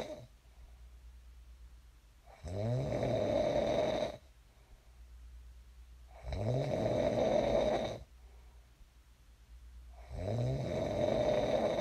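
Loud, rumbling snores on each breath in, about 15 breaths a minute, with quiet breathing out between them; ordinary sleep snoring.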